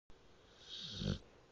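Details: Quiet snoring: one soft airy breath ending in a brief low snort.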